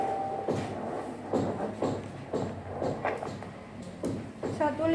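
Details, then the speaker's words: Fetal heartbeat on Doppler at a prenatal check of a pregnant mother whose recent symptoms were put down to fatigue: rapid, rhythmic whooshing pulses at 154 per minute, baby judged healthy. "Apakah Anda bisa mendengarnya, Bu? Inilah detak jantungnya. Nah, inilah detak jantungnya."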